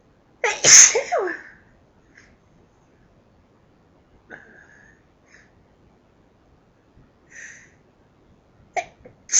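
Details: Person's repeated ordinary sneezing: one loud explosive sneeze followed by several softer, half-stifled sneezes separated by quiet pauses.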